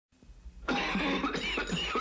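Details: Cough from a character with a nasty cough plus congestion in a 1980 Formula 44D cough medicine TV commercial.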